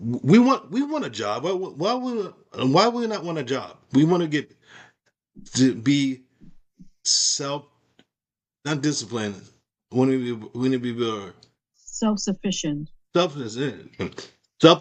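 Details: Woman with aphasia after a stroke, speaking in conversation; aphasia.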